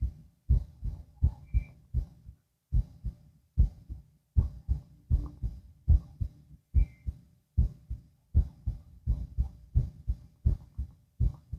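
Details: Heart auscultation with stethoscope, person lying down, two minutes per spot: steady lub-dub heartbeat at about 78 beats per minute; normal heart sounds.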